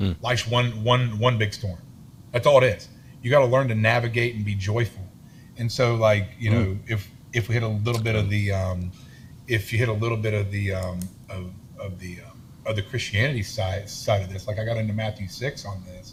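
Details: Adult man with a self-reported lifelong stutter and lisp, in speech therapy his whole life; stuttering.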